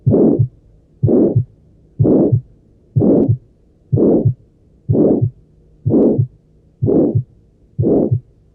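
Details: Aortic stenosis heart auscultation: regular heartbeat about 62 per minute with a loud, harsh systolic murmur filling the gap between the first and second heart sounds.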